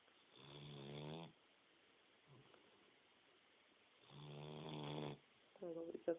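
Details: Snoring: two long, rattly inspiratory snores about four seconds apart, with a quieter one starting at the end.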